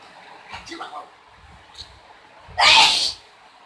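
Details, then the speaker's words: Adult woman, a mother, sneezing after chickpea powder: faint breathy build-up, then one loud, sharp sneeze. "After a while, she started to sneeze again."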